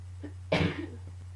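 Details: A single harsh cough burst over a steady low hum, part of a coughing fit combined with allergies; cough.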